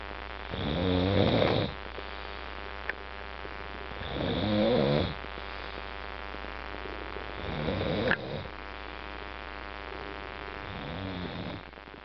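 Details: Sleeping pet snoring loudly enough to wake roommates: loud, fluttering snores on each breath, about four over twelve seconds.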